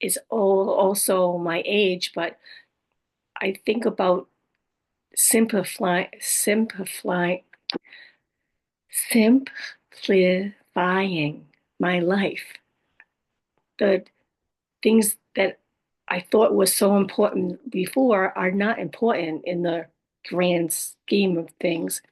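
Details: Adult woman with aphasia, apraxia of speech and dysarthria after a stroke, who says her speech can be hard to understand; aphasia with apraxia of speech and dysarthria.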